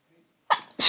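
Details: Person with a cold in a fit of strong tickly sneezes: a short breathy burst then a loud hissing explosive release; forceful sneeze.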